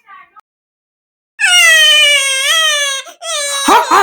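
Cartoon character voice with a high, wavering whimpering cry. Imitation of an infant cry.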